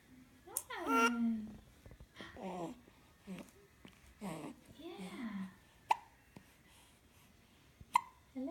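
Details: Baby girl cooing and babbling, then two sharp, abrupt hiccups a couple of seconds apart in a quiet room.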